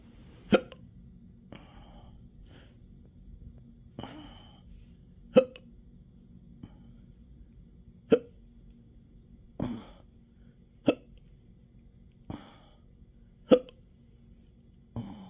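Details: Intractable hiccups with belching, choking spasms and developing achalasia since December 2015, in 12-hour episodes now 7 days a week: sharp hiccups recurring irregularly, about 22 a minute, over a quiet background.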